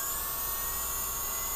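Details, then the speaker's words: NSK dental lab handpiece running after carbon brush replacement with a hand-carved graphite piece: steady high-pitched motor whine, smooth, no grinding or irregular pulsing; sounds pretty good. "let's turn on and see how that works yeah it sounds pretty good on"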